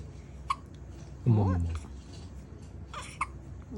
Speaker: 아이고 사례도 걸리고요 딸국질 하고요